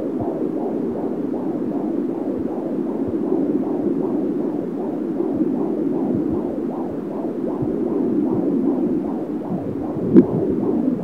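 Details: Fetal heartbeat and kicks at 28 weeks of pregnancy on an AngelSounds fetal Doppler: rapid, regular whooshing pulses, about 140 a minute, with one brief thump.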